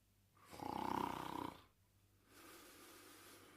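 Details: Snoring during sleep: a rumbling, buzzy snore followed by a softer breathy exhale in a quiet room.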